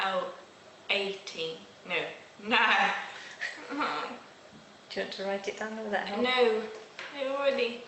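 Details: Adult woman; normal speech.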